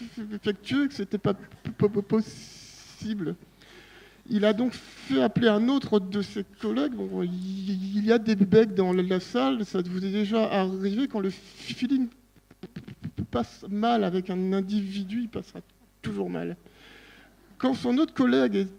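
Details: Adult man who stutters, speaking French at a stuttering colloquium; stuttering.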